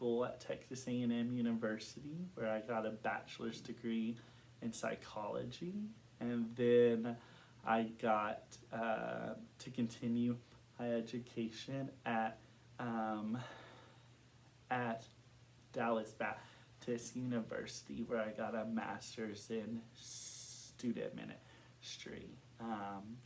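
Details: Adult man who has stuttered since kindergarten, with recent blocking and severity and form varying over time; stuttering.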